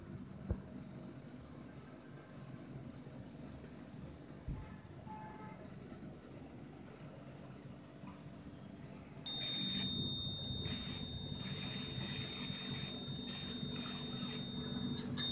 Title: Wart Removal by Laser Treatment